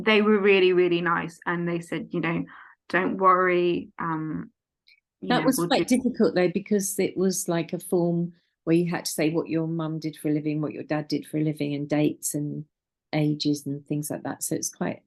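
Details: Adult woman; typical speech.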